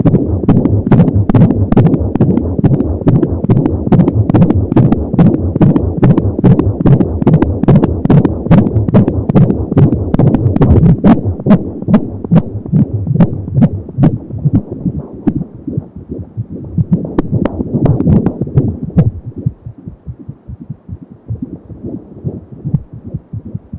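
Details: 28 weeks pregnant, Angel Sound fetal Doppler on abdomen: fast, regular galloping fetal heartbeat at 170 beats a minute, with soft whooshing umbilical cord sound; fetal heart sounds.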